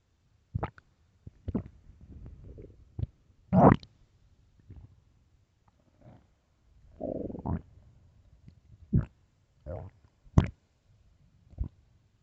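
Irregular gurgles, squeaks and low rumbling bursts with quiet gaps between them; normal stomach growling from hunger.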